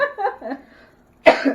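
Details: A cough during a podcast, possibly from a co-host said to be recovering from bronchitis that was trying to turn into pneumonia, not COVID.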